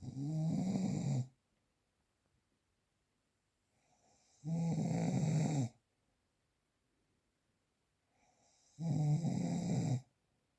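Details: Real, unprocessed recording; three loud, rough, low-pitched snores on breathing in, about 14 a minute, with quiet pauses; ordinary snoring.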